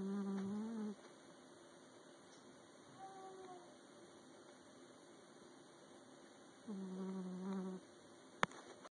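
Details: Two long, buzzy, droning breath sounds with quiet between them from a sleeping cat; snoring.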